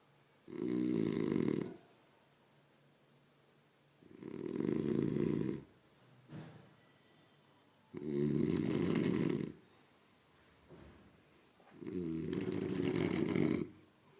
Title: best snoring